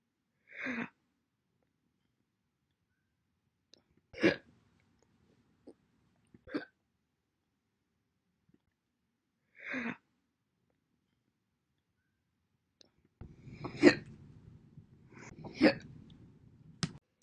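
Single short, sharp hiccup sounds separated by silence, several in a row, with some room noise near the end; isolated hiccups.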